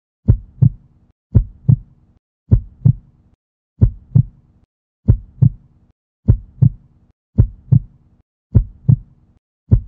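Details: Simulated heartbeat sound effect for a 3D heart animation: steady paired low lub-dub thumps at about 50 beats per minute.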